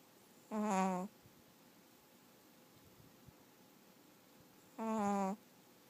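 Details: Sleeping Chihuahua snoring: two drawn-out, humming snores about four seconds apart with quiet between them.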